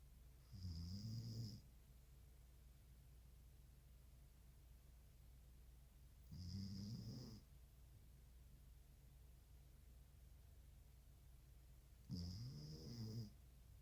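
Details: Snoring while asleep: three slow, low rumbling snores on the in-breath, about 10 breaths a minute, over a steady background hum.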